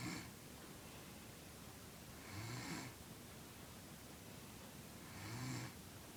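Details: Person snoring at a sleepover in 2013: soft, low rattling snores about every three seconds over steady room hiss.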